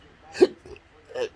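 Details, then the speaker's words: Two abrupt voiced hiccups about a second apart in someone with intractable hiccups since December 2015, episode triggered by turning the head, recorded September 2020 while on a new GERD medication regimen. "anything benny nope will cause um regurgitation or hiccups or make the hiccups if they're existing an episode much more aggressive"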